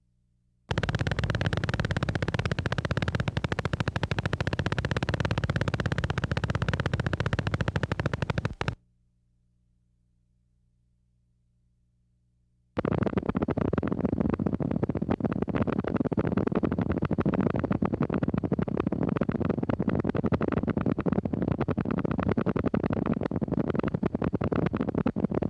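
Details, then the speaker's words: Needle EMG: polyphasic motor unit potentials, including small-amplitude nascent polyphasic MUPs of mostly normal or long duration, often mistaken for myopathic potentials. "For the most part, however, these potentials have normal or long duration. Watch and listen to polyphasic MUPs and nent polyphasic MUPS."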